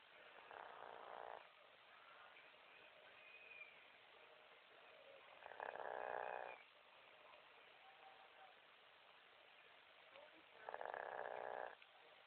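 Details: Dog snoring while asleep: three soft buzzing snores about five seconds apart, roughly 12 breaths a minute, over steady background hiss.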